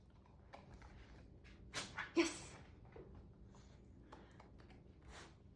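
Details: Dog during a training session to sneeze on cue: a few quick, breathy nasal bursts with one sharper sneeze in a quiet room; dog sneeze.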